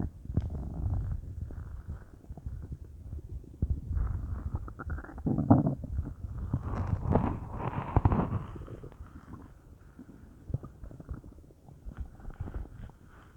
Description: I'm not sure if this was in my stomach or my intestines but my whole belly area felt bubbly haha, I hope you all enjoy!